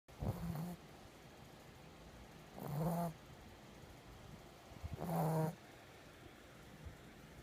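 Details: Three low, rattling inspiratory snores, about 25 a minute, in a quiet room from a female pet recently adopted about a week ago that snores a lot: snoring.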